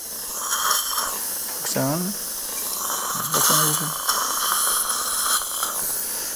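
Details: High-pitched hissing whine of an air-driven dental drill with water spray, sectioning a horizontally impacted lower wisdom tooth during a live surgical extraction demonstration, with brief low voices underneath.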